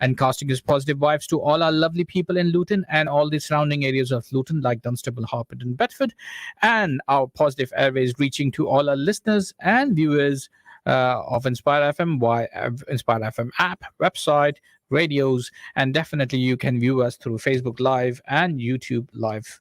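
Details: Adult male radio presenter; normal speech.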